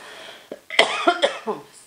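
A short run of dry coughs from an adult, an allergy-related cough.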